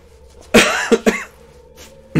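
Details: Three short coughs in quick succession, the first loudest, with game sound behind, from a live streamer whose voice is impaired; an ordinary cough during illness.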